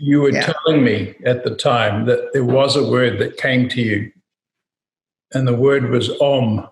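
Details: Adult male speaker; normal speech.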